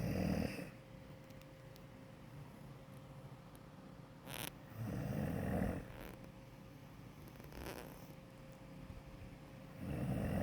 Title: You say my dog is snoring? 😴😂 #Snoring #Sleep #Noise #Dog